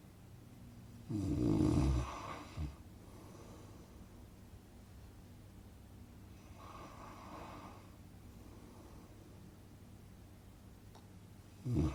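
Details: Relaxing snoring sound effect for sleeping: irregular snoring, a loud rattling snore, a softer breathy one, then another rough snore over quiet room hiss.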